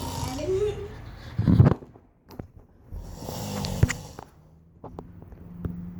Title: He snores very loud